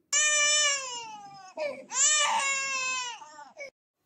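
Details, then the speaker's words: Infant with a cold, unsettled and in discomfort, crying loudly at a high pitch in two long wails with short catches between them, before a vapor roll-on is applied to the chest, feet and neck. "A mother I couldn't see my baby crying like this with discomfort"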